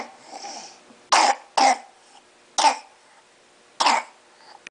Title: Trying to Nap with cough